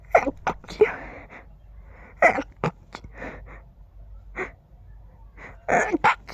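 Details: Person with allergies acting up, feeling the urge to sneeze with every breath: rapid series of short, stifled sneezes with quick breaths between them; sneezing fit.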